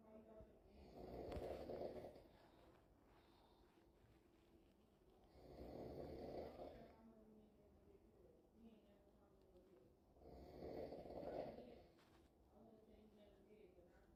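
Three loud, rough snores about every 4.5 seconds, roughly 13 a minute, with quiet breathing between; room noise. Ordinary snoring.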